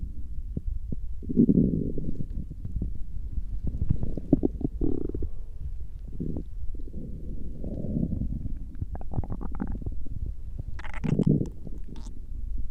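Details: Stomach growling, mostly digestive rather than hunger sounds: low gurgling rumbles in irregular bursts, loudest near the start and end; bowel sounds.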